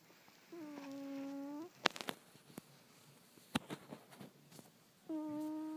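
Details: A sleeping cat's steady, whistling nasal snores, each about a second long, with quiet clicks between.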